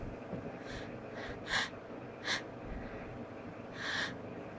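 Several short, muffled bursts of air over steady room hiss, each clipped off early, consistent with stifled or suppressed sneezes.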